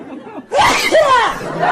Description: Dogs put on a mask after hearing owner coughing/sneezing 😂